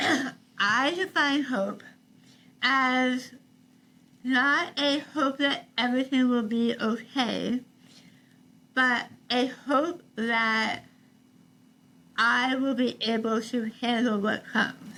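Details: Adult woman treated for stage 4 tongue cancer: over half her tongue removed and rebuilt with a forearm graft, plus neck dissection and six weeks of radiation and chemotherapy; articulation disorder after partial glossectomy, some people cannot understand her.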